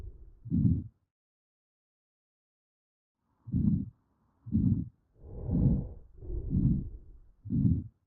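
Low, dull heart thumps through a stethoscope at about 60 a minute, with a brief silent gap.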